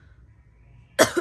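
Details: Near silence, then one abrupt harsh cough from a woman with a cold, blocked red nose, just back from the doctor with cough syrup, having missed an exam.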